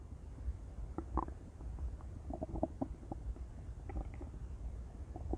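Low gurgling and rumbling bursts from the abdomen, loud and frequent stomach growling.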